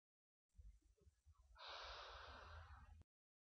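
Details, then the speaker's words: A short, strong, fast breath in through a Turbohaler dry powder inhaler, demonstrating correct asthma inhaler technique, followed by breath-holding and slow exhalation. "Tarik nafas dengan kuat dan laju tahan nafas selama l ke tu saat hembus keluar nafas dengan perlahan"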